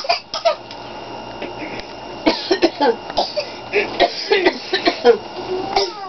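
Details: Female laughing hysterically, head thrown back and slapping her knee, then coughing while covering her mouth.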